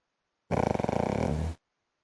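One loud, rattling, fluttering snore lasting about a second, with a low buzzing quality like an engine.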